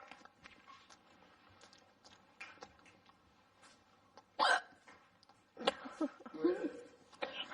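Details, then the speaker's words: A few sudden, sharp hiccup sounds against quiet room noise and faint voices. "I'm sure it has to be that loud with a head jolt. It is, and it's so embarrassing."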